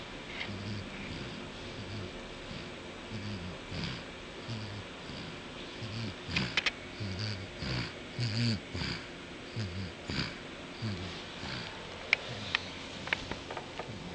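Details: Pet named Pedroca snoring while asleep; soft rhythmic snoring with low rumbling breaths and snuffly sounds in a quiet room.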